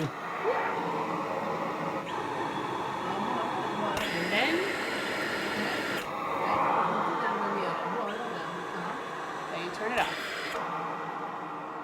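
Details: Cough assist machine delivering therapy through a face mask to a mother: steady mechanical whirring shifting in pitch and force every couple of seconds as mechanical insufflation-exsufflation cycles.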